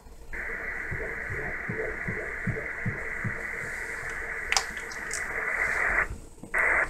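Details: Fast, regular soft whooshing pulses over a steady hiss, about 140 a minute: fetal heartbeat on ultrasound at 19 weeks of an IVF pregnancy.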